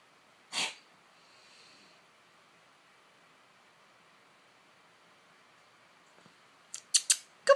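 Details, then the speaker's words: Cat on daily antibiotics about 3 months, recurring episodes 1–3 times daily, owner unsure if cough or reverse sneeze, longer than usual episode: single sharp burst, long pause, then four quick harsh bursts. "oh honey never get this for this long usually he gets this a lot harder and more Fierce like faster and then but it only last like 10 seconds I could never get it on camera"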